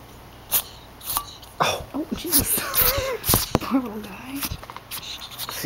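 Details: Pet ferret in a sneezing attack after snuggling into very dirty snow pants: about seven sharp, explosive sneezes in quick succession with whimpering between; he is breathing, drinking and moving, and the owner wonders about dust, allergy or ferret asthma.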